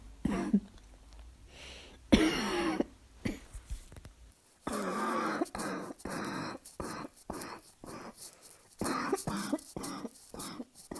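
Several harsh, loud cough bursts with throat clearing in a small room; a barking cough linked to asthma.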